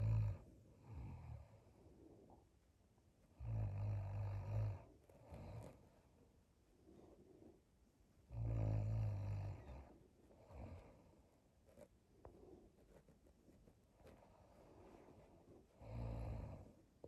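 Deep, rattling inhaled snores recur about every four seconds, roughly 14 breaths a minute, with softer breathing between.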